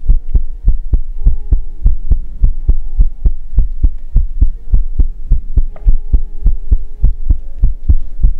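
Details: Heartbeat ASMR recording: steady deep thumping heartbeat at roughly 100 beats a minute over a low hum; normal heartbeat.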